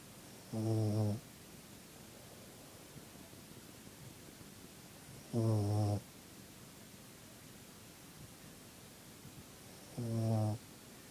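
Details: Sleeping puppy snoring: three short, regular buzzing snores, about 13 a minute, in a quiet room.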